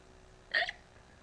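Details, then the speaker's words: Hiccups during a prolonged, recurring bout: a single short, sharp hiccup with a brief voiced catch against quiet room noise. "I swear this is gonna be a ten minute long video of just you hiccupping"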